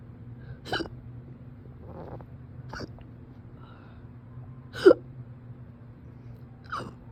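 Four sharp, abrupt hiccup sounds about every two seconds over a low steady room hum; repeated hiccups.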